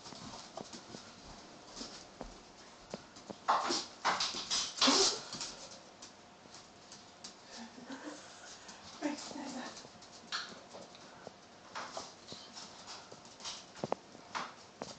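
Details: A bear gives a couple of sharp, explosive sneezes amid scattered clicks and shuffling noises.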